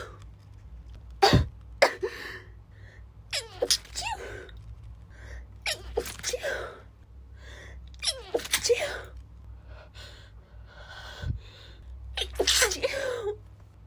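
A series of stifled sneezes, some muffled, with catching breaths in between and some room noise.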